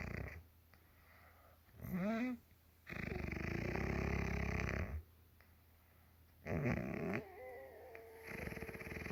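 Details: Mother snoring in sleep, ASMR recording: loud rattling snores on inhalation separated by quiet pauses, with squeaky, whistling snorts at the start of some breaths; snoring.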